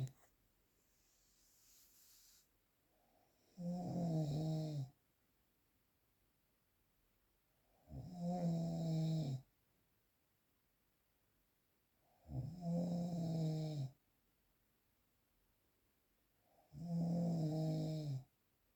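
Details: Real, unprocessed recording of snoring: four loud, rattling snores on inhalation at about 13 breaths a minute, with quiet exhalations between them.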